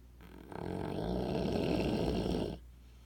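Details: Snoring: a single long, low, rattling breath lasting about two seconds.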